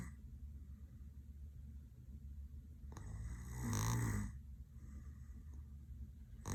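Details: A single loud, rattling snore on the in-breath from an adult man who is passed out with eyes rolled back and mouth open, quiet breathing before and after; snoring.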